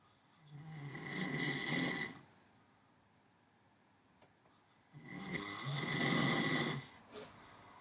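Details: Snoring in a sleeping man: two loud, rough snores on the in-breath, each about a second and a half, with quiet pauses between them.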